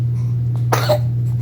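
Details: Single short, soft cough from a 4-month-old girl who covers her mouth, over a steady low electrical hum.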